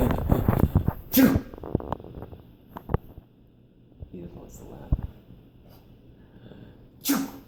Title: Fake sneezes